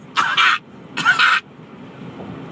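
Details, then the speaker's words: Comedic imitation of an irritant cough, described as caused by a strong body odour getting into the back of the throat; not a real cough. "she was so musty till she made me cough I ain't talking about no regular cough I talking about"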